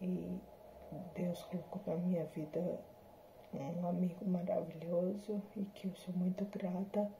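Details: Adult woman with hereditary, progressive degenerative spinocerebellar ataxia type 7 (SCA7), symptoms since 2018, recorded after neuromodulation with speech therapy and physiotherapy; she says the disease shows in her voice and speech. Ataxic dysarthria.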